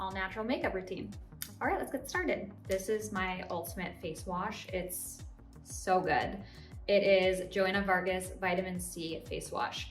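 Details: Adult woman speaking; Normal speech.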